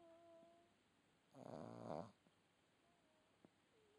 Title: Red Boston Terrier Puppy Snoring